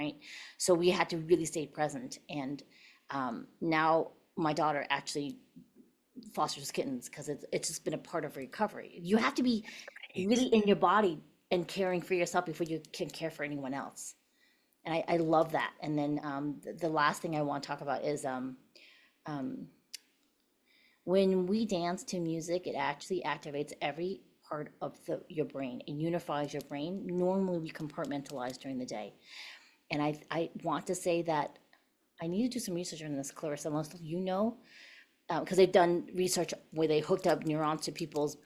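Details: Adult woman speaking; normal voice.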